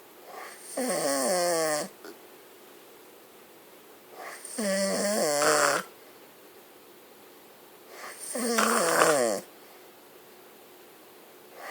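Three loud, rasping, buzzing snores, each on a breath in, about 16 a minute, with quiet pauses between them. Heavy snoring.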